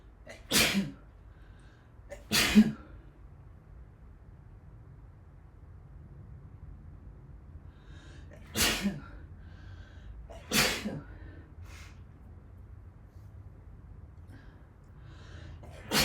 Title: Sneezing fit